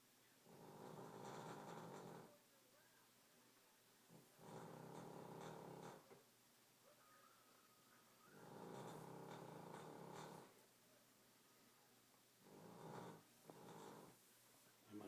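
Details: Loud rattling snores from a sleeping dog on each breath in, about four in fifteen seconds with quiet pauses; owner wonders about canine sleep apnea; snoring.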